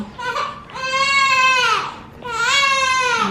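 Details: Newborn girl, 3–4 days old, fussy on hospital discharge day, with a red spotty rash on face, hand and leg: three loud wailing cry bursts, about 40 a minute, strong clear voice.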